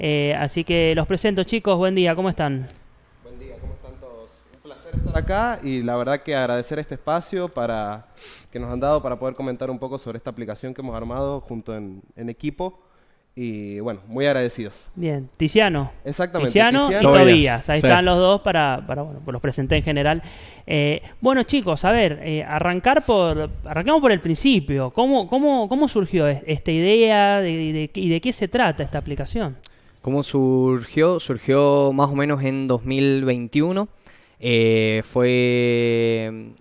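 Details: Young man from San Juan, Argentina, speaking Spanish in a broadcast interview about an app he co-created for people who stutter; stuttering.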